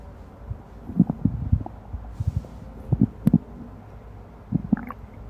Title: 一小时腹鸣全纪录片段（放大版）——录着录着我自己都快睡着了 1 Hour Stomach Rumbling Highlights (Amplified) – I Almost Fell Asleep